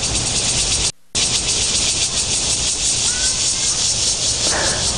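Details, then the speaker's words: Cicada chirping, a loud steady high-pitched buzzing hiss played as an example of what tinnitus can sound like; tinnitus-like sound. "刚听到这段声音呢，是我们在每年七月在毕业的时候，大家可能可以听到的，叫做蝉鸣哈。"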